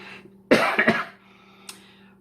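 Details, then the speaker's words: Cat in a room during a recorded talk, expected to keep coughing: a quick run of three harsh, hacking bursts against quiet room hum; cough. "vous prie d'excuser Matou. Alors, il risque d'avoir d'autres toussements au cours de l'enregistrement."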